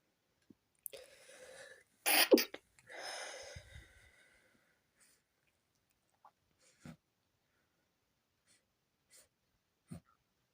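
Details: Stifled sneezes after the windows were left open overnight, leaving a very tickly nose: a breathy build-up, muffled held-in sneeze bursts and soft exhalations, then sniffs.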